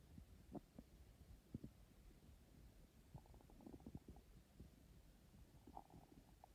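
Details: Stomach growling from hunger on an empty stomach: soft, irregular gurgling and low rumbling from the belly over quiet room noise.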